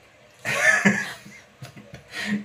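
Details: One harsh, forceful cough burst, then softer short catches and a final breathy exhalation; cough.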